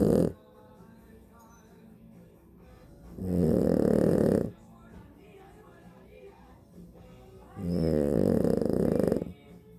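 Two loud, rough, rattling snores about four seconds apart with quiet breathing between, over faint background sound; ordinary snoring.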